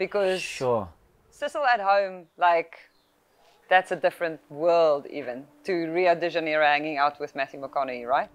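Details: Adult speaker; normal speech.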